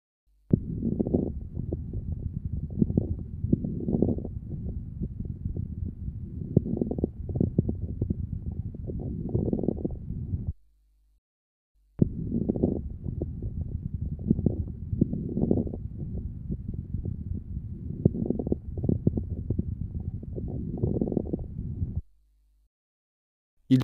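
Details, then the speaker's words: Lung recording with crackles clustered in mid-inspiration, sparing the start and end of inspiration, said to reflect bronchial secretions; mid-inspiratory crackles. "au milieu de l'inspiration et respecte le début et la fin de l'inspiration il traduisent l'existence de sécrétion bronchique d'où"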